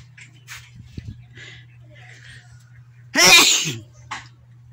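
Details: Sneeze brought on by tickling: a quiet lead-in with faint breaths, then one loud, explosive sneeze with a voiced burst.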